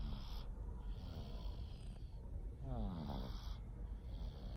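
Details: Soft, rhythmic snoring from a sleeping cat, a rattling sound on each breath with a faint hiss between: ordinary sleep snoring.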